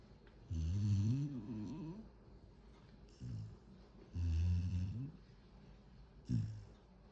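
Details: A sleeping cat snores in low, rumbling bursts with pauses in a quiet room.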